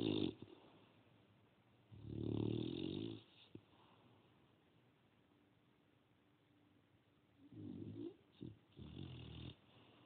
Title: 4-1-17 snoring